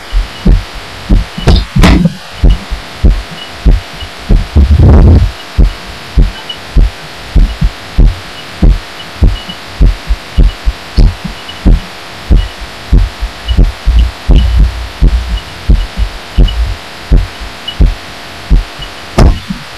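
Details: Heartbeat recorded by a person lying down, felt through a pillow, audio amplified; loud, muffled low thumps at about 90–95/min, somewhat uneven, with rustling; the person wonders about arrhythmia, unconfirmed.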